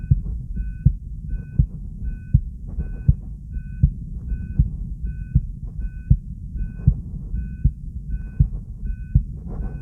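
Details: Steady, regular low heartbeat thumps at about 80 beats a minute with an ECG monitor beep on each beat; normal heart sounds.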